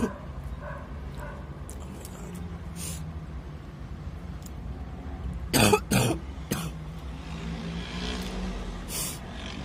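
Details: Coughing fit from an adult, blamed on dust allergy while smoking: a short run of about three harsh, forceful coughs over steady low room hum.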